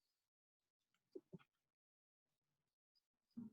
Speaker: wheezing to give you an idea of what you should look for wheezing on a patient with asthma